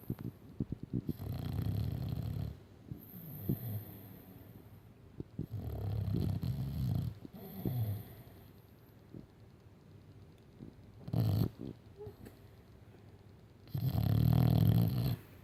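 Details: Sleeping Staffordshire terrier (staffy) gives unusually loud, low, rumbling snores with quiet pauses between breaths.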